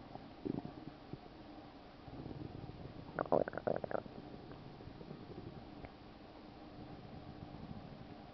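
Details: Low gurgling belly rumbles with a louder burst of bubbling gurgles near the middle: stomach rumbling (borborygmi), attributed to a stomach ulcer.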